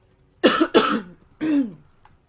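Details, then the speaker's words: A person with a tickly cough, who says they can't stop coughing while gaming, gives a cough. "Got a horrible fucking tickly cough."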